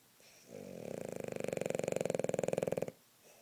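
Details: Snoring in a little girl during a nap: one long fluttering, rattling breath that swells and then stops abruptly.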